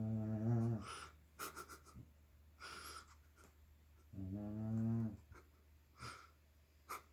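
Two low, rumbling, buzzy snores on the breath in, separated by quiet breathing, in a small room. Ordinary snoring.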